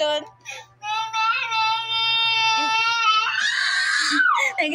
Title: Baby crying while refuse eating food |trouble feeding a 1yr old baby |Funny babies cry